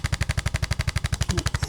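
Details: Percussion adjusting instrument (ArthroStim) applied under the scapula to break up adhesions: rapid regular mechanical thumping, about eleven pulses a second.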